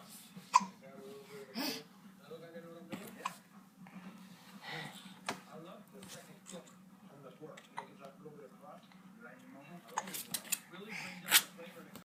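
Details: Female with hiccups again, amid quiet talk and laughter: sudden short voiced catches break in several times; hiccups.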